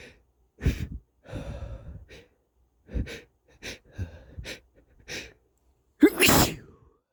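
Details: Congested, snuffly breaths building up to a loud wet sneeze from a stuffy nose.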